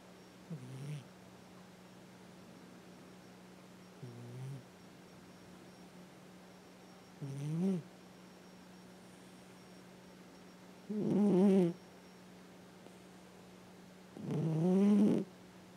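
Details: Female cat, almost 10 years old, adopted as a shelter kitten, snoring loudly while asleep (owner says she must be dreaming): loud, rhythmic snores growing louder, about 17 a minute; ordinary sleep snoring.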